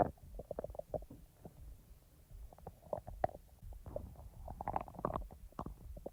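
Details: Person's own stomach sounds, recorded and edited rather than in real time: soft, irregular gurgles, bubbling and low rumbles; normal bowel sounds (borborygmi).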